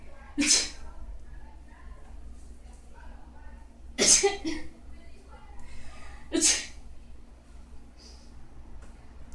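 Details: Man in a bedroom holding a laptop, looking in the mirror while sneezing: three sharp, explosive sneezes spaced a few seconds apart, with quiet room noise between them.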